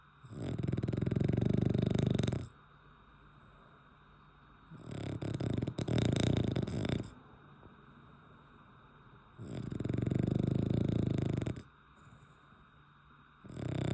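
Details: Loud, rough, rattling snores about every 4.5 seconds, roughly 13 breaths a minute, with quiet pauses between, from a sleeping French Bulldog; snoring.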